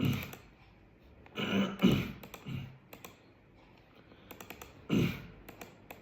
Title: People Think I have Covid But I have Throat Clearing Tic | Living With Tourette syndrome